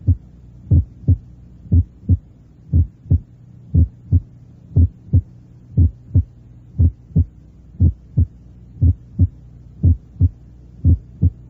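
Regular heartbeat, about 60 a minute, with a clean two-sound rhythm; the first sound has two close, equal parts: normal split first heart sound.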